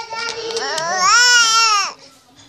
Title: Funny Baby Vibrate When Crying-Funny Baby Videos Compilation 2018